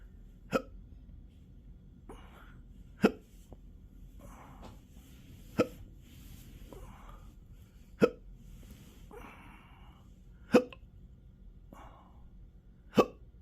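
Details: Adult with intractable hiccups since December 2015, in 12-hour episodes up to 7 days a week, with belching, choking spasms and developing achalasia; six sharp abrupt hiccups about every 2.5 seconds with soft breaths and throat noises between.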